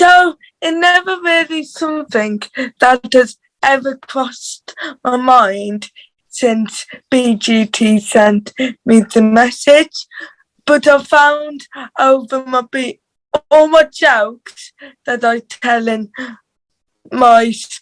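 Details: Dysarthria due to cerebral palsy in a teenage girl from England's Black Country, who reports her cerebral palsy voice is harder to understand.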